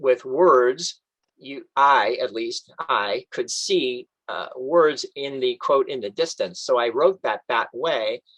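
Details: Adult man reading a book aloud in a self-made recording during his two-year recovery from a stroke; some stock phrases come out intact, but he cannot retrieve or pronounce other words; post-stroke aphasia.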